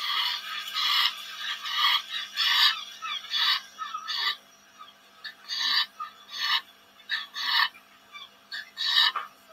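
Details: Dog from a BOAS caseload, breathing in through the mouth after exercise: repeated harsh, raspy inspiratory noises with a brief loud knock at the end; inspiratory noise from epiglottic entrapment.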